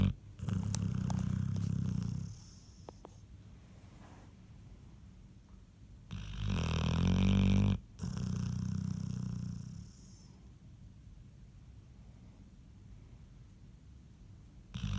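Low rumbling snores in slow breaths, one louder snore in the middle, with quiet gaps between.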